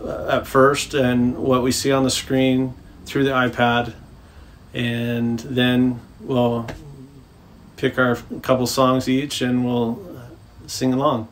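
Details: Adult man speaking; speech.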